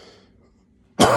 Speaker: sorry I didn't want to do that I didn't want to cough at the start but I did so we'll continue